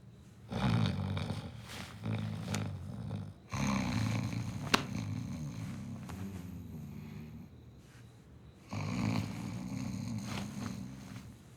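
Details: Simulated snoring from a non-verbal comedy sketch about solving snoring problems: loud rattling snores in long bursts with quiet pauses between them, plus a sharp click.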